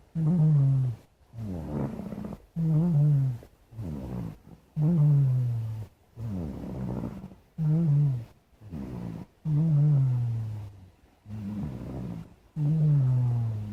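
Steady rhythmic snoring from a sleeping cat, about 12 breaths a minute, with a low rumble on each breath in and out.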